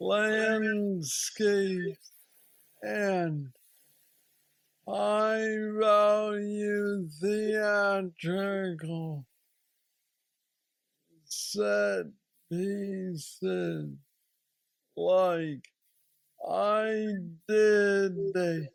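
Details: Parkinsonian speech in a 46-year-old man diagnosed with aggressive Parkinson's disease at age 35, with mobility problems and treated with a deep brain stimulator implanted two years after diagnosis.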